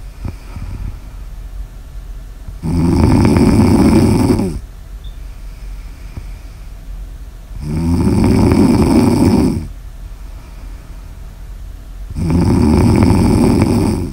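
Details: Snoring ASMR audio recording: loud, regular rattling snores on each breath in, about 13 a minute, with quiet breathing out between them; ordinary snoring.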